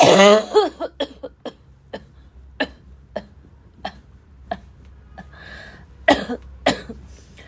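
A voiced, strained start, then a rapid run of about fifteen short, harsh coughs in under eight seconds: a barking coughing fit.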